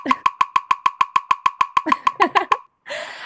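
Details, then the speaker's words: Simulated resting heartbeat of a big brown bat at 400 beats per minute: very fast, evenly spaced clicking beats, far beyond any human heart rate. "So the big brown bat is one of our larger bats. It's still not as large as the hoary bat, but its resting heart rate is 400 beats per minute. So to give you an idea of what a big brown bat's resting heart rate sounds like, it sounds like this."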